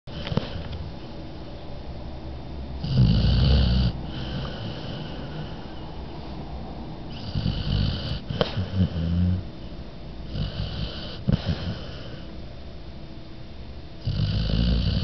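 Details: Snoring during sleep: low rumbling snores recurring every few seconds against steady room noise.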